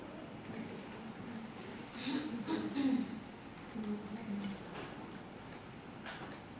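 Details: Animal in respiratory distress: two loud, groaning breath noises with a low tonal rasp, mouth opening with effort; dyspnea discussed as inspiratory versus mixed.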